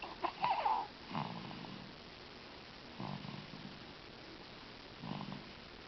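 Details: Recorded in dim light with the microphone not close to the sleeper, soft snorting snores about every two seconds after a brief squeaky noise at the start; light snoring.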